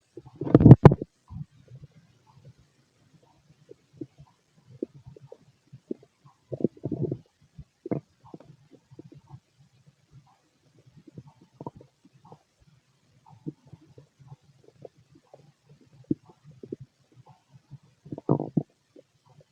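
Low gurgling rumbles come and go irregularly from the belly, ordinary stomach growling of normal digestion.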